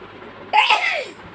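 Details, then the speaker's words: Adult mother sneezing after inhaling chicken powder, covering her face with her hands: a single sharp, explosive sneeze with a quick vocal burst, then quiet room noise. "so let's get started without wasting any times as she's the best sneezer so here we go yes this is chicken powder i'm sure you will enjoy her sneezes cover her face with her hands so let's wait"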